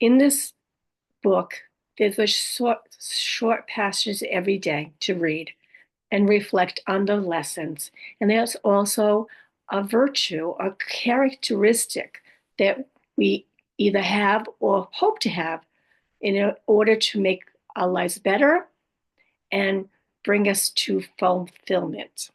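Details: Adult woman with aphasia, apraxia of speech and dysarthria after a stroke, who says her speech can be hard to understand; aphasia with apraxia of speech and dysarthria.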